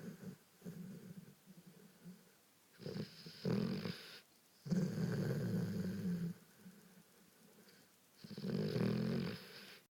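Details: Golden retriever snoring happily on the couch: loud, rattling snores on each breath with quieter breaths between, in a quiet room; snoring.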